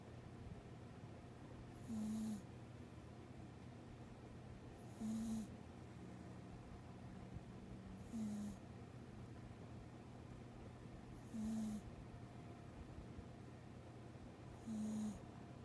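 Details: Beatrice, a rescue dog, snoring in her sleep after a busy day: short, regular snoring breaths about 19 a minute over steady room hum, with soft airy exhales between; snoring.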